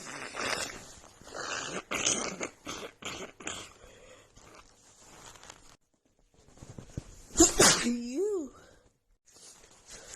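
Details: Woman with a head cold who sniffed a tiny bit of black pepper: a rapid run of forceful, noisy sneezes with hardly any breath between, then a pause and a louder voiced sneeze; sneezing fit.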